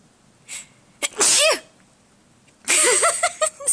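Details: An adult sneezes twice, loudly and explosively, each with a quick sharp intake and a bright voiced burst, in a quiet room, startling pet rabbits.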